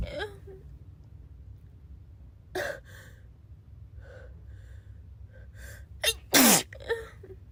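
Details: Girl sneezing: several quick sharp sneezes and small huffs ending in one loud forceful sneeze, a bout of sneezing.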